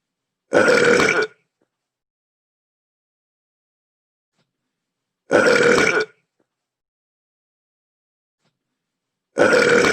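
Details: Burping sound effect from a game, CPU Miis burping: three long, loud belches about five seconds apart with silence between.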